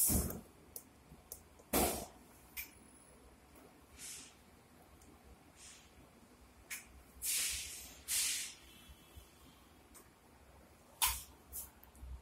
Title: FANEM neonatal transport incubator operation